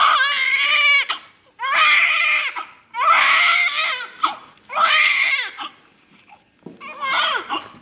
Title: normal delivery born baby came just stable cleaning is done quickly 🥰💓